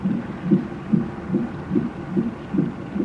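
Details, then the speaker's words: Fetal heart monitor on labor and delivery, mother in hospital for reduced fetal movement since the night before, baby boy: rapid, regular whooshing fetal heartbeat, around 145 beats a minute. "hear that we got a little heartbeat as background noise right now"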